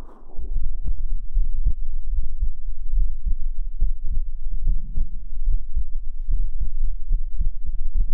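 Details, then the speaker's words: Heartbeat played for about another minute during a livestream: steady, regular, low thumps with a faint room hum, an ordinary heartbeat. "再给你们听一下心跳，再听个一分钟啊，再给你们听个一分钟，"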